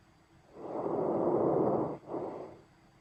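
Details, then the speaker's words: Stethoscope lung auscultation of normal vesicular breath sounds: sound is heard through the entire inhalation, then through only the first half to two-thirds of exhalation before fading away completely. "so in a normal breath sound you can hear the sound through the entire inhalation and then the exhalation you hear kind of the first half two-thirds and then that that sound just completely fades away for the end"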